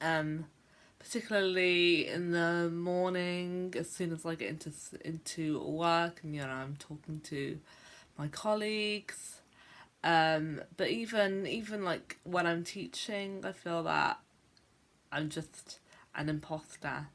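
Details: Adult woman who describes herself as a stammerer, speaking on what she calls a bad day; part-word and word repetitions are present; stuttering (stammering).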